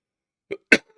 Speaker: excuse me for coughing in your ear you really don't need to hear that